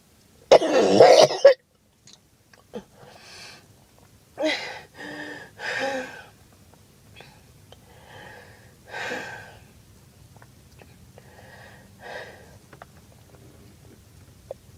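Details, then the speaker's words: Girl who thought it was just allergies, with chest pain: a loud harsh cough followed by softer, breathy coughs and throat clearing in a quiet room; repeated coughing. "I thought it was just allergies I really wanted it to just be my allergies"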